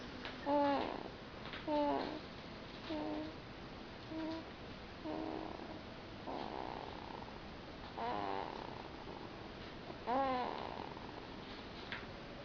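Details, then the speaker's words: Sleeping infant snoring, possibly from sleeping with mouth open: rhythmic, rattling, fluttering breaths about 50 per minute. "Olha, ronca que nem a avó."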